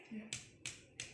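Three short, sharp finger taps with quick fade and little ringing boom: a dull percussion note over the liver, a normal finding.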